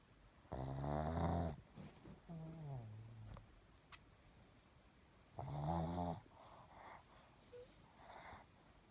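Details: Sleeping pug snoring: squeaky, whistling snores with snuffling breaths between, typical of a narrow flat-faced airway.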